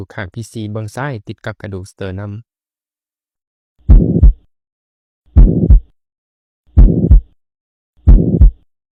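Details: Ventricular septal defect, described as mostly congenital, heard best at the left sternal border: slow heartbeats at about 42 a minute with a steady pansystolic murmur filling systole between heart sounds.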